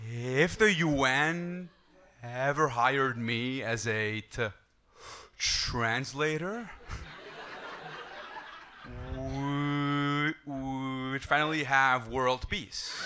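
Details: Adult male who stutters and uses a breathing technique to control it, with audible word repetition; stuttering.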